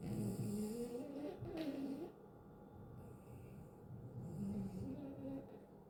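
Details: Sleeping Chihuahua dog snoring in deep sleep: soft irregular snuffling snores, loudest in first two seconds, fading in and out.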